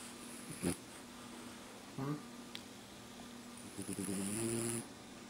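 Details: Sleeping French bulldog snoring, not woken by someone yelling: short, rough, low snorting snores with a longer drawn-out snore near the end over faint room hum.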